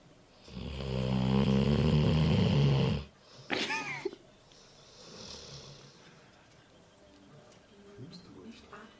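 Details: 15-year-old dog snoring while asleep: one long, low, rattling snore on an in-breath, then a brief squeaky sound and a quiet room.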